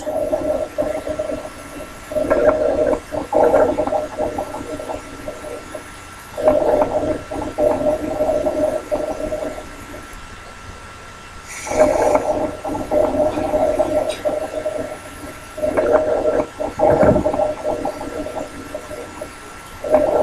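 Harsh, tonal, whistling breath sounds repeat about every four seconds, consistent with stridor from a narrowed upper airway.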